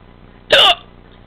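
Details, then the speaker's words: Person recording their own real hiccups: a single short, sharp voiced gulp against quiet room noise, one hiccup. "finally caught it those too long those are my hiccups"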